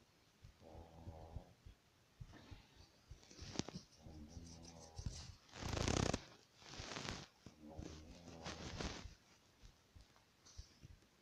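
Rough fluttering breaths in, each followed by a snuffly breath out, about eleven breaths a minute: snoring in a sleeping dog.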